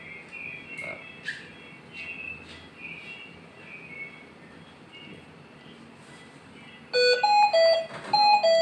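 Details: Hamilton C-3 ventilator: repeated high-pitched electronic alarm tones after quiet room sounds, signalling the patient is not breathing spontaneously and the ventilator is switching to backup ventilation.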